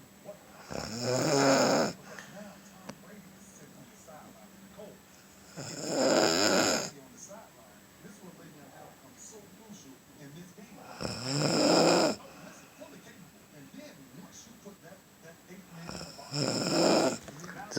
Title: Snoring away